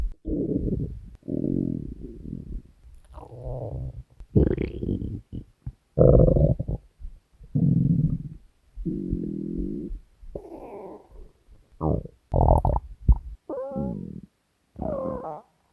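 Loud, drawn-out growls and gurgles in separate bursts with short quiet gaps: hunger stomach growling, a normal bowel sound.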